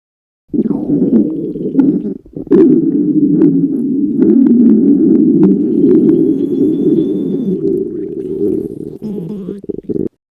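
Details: Long, loud gurgling rumble lasting several seconds, a staged hungry stomach growl from a skit of a girl who got hungry during a school test; stomach growling.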